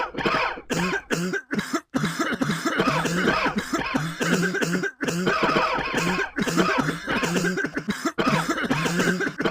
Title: *cough *cough *cough *cough *cough *cough *cough *cough *cough